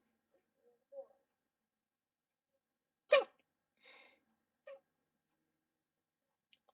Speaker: Ugh, God, I hate hiccups. Oh my God, my hiccups are gone.